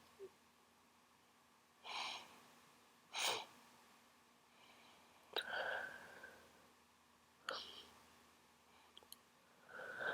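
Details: Sniffling and sneezing from a person with a cold: a few sharp sniffs and breathy bursts, including a sneeze, in a quiet room.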